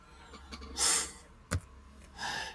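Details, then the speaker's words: Dog snoring in the background while asleep and dreaming during a live stream. "Anybody in the comments, can you hear my dog snoring in the background? My little Tyga's over there dreaming."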